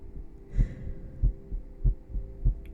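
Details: Regular low heartbeat thumps through a stethoscope, about 95 beats a minute, with faint background hum, in an ASMR livestream with ear massage; heartbeat.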